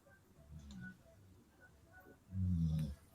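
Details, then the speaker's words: Two low, rumbling snores from a dog sleeping on the living-room couch, the second louder, in a quiet room; ordinary snoring. "Whose dog is snoring? That's my dog."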